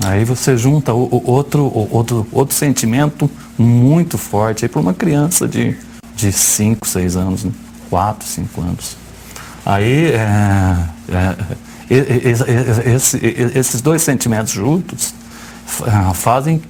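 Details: Adult man who describes himself as a stutterer ("I am a stutterer") and co-authored a book on stuttering, speaking live in a Portuguese TV interview; stuttering.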